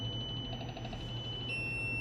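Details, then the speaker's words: A steady high electronic tone over a low hum as a TM 2007P biphasic defibrillator charges in synchronized mode with no ECG connected, with a slight pitch change near the end. "अभी sink mode मैंने on किया है, मैं इसको अभी charge करता हूँ।"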